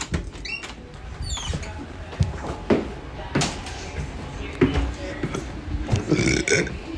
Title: Tiny boy big burps TikTok live